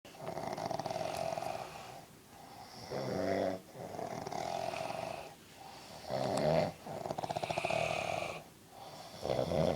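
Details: Loud, rough, rattling snores on both inhalation and exhalation, about 19 breaths a minute, from an adult man (dad) sleeping; heavy snoring.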